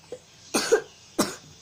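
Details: A child starts coughing while re-singing a song: two short, sharp coughs about half a second apart with a quiet pause between.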